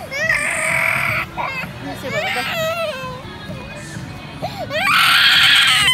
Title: Cute Toddler baby crying